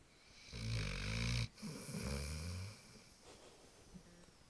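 Low, rumbling snorty snores with a rough rattle in quiet surroundings; a dog snoring.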